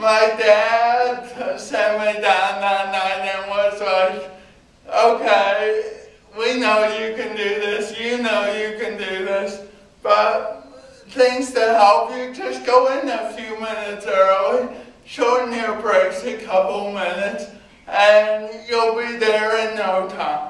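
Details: Adult man with cerebral palsy giving a university talk about his own condition; no speech disorder is named for him; speech in cerebral palsy, possible mild dysarthria.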